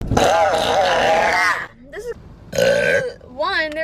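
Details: Woman with relieving deep burps: two long, loud, deep voiced burps, each about a second or more, with quieter vocal sounds between them.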